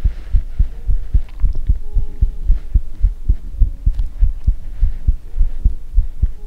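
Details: Heartbeat ASMR recording: steady deep thumping heartbeat in lub-dub pairs, about 115 beats a minute, recorded close up; heartbeat.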